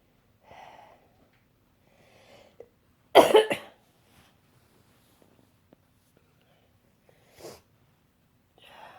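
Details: Loud double cough burst amid quiet breathing, then a lighter cough; harsh cystic fibrosis cough in a patient just home from hospital, still on at least two more weeks of antibiotics.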